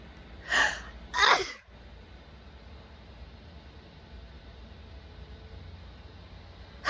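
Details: A woman sneezing, nostrils flaring, after feeling an itch: two sharp, explosive sneezes in quick succession, then quiet room noise: sneezing.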